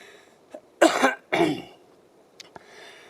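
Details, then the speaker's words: Cough from an adult out hiking uphill, breathing laboured, with a slight chest infection for a week, possibly worsened by spray exposure to the lungs, reportedly improving: cough. "and a little bit of chest infection isn't helping a lot but we're getting there"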